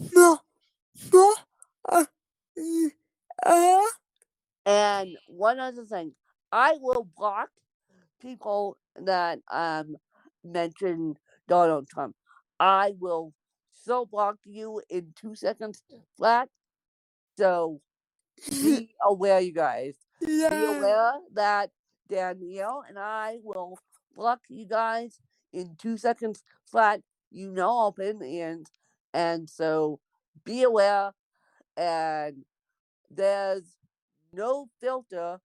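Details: Adult woman born with cerebral palsy, no specific speech disorder named; speech in cerebral palsy (possible dysarthria).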